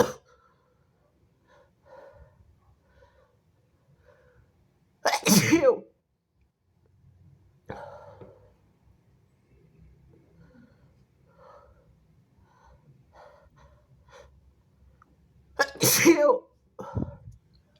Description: i've sneezed all over my phone! excuse me!